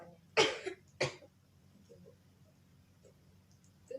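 Two forceful coughs in a quiet room: a deliberate effective cough to bring up sputum, performed as a nursing role-play.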